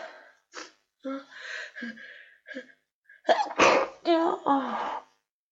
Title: Wet cold sneezes & build ups